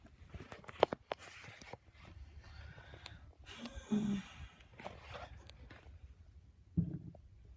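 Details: Stomach growling (borborygmi) in a quiet library: low, soft rumbles with a couple of short squeaky gurgles.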